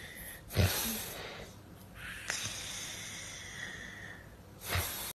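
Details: Human snoring during sleep, which a cat stops: noisy snorting breaths, with hissing sounds between them.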